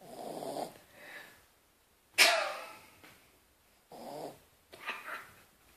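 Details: Sleeping dog snoring: irregular snuffling nasal breaths with one sharp snorting exhale.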